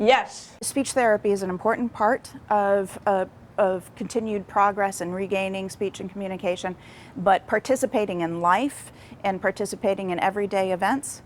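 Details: Adult woman speaking; typical speech.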